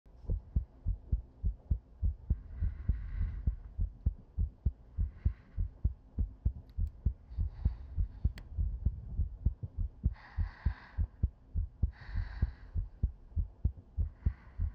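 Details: Sleep-aid ASMR heartbeat heard with the head on a woman's chest: soft, regular, paired beats at about 100 a minute, with gentle breaths over a low hum; a steady heartbeat.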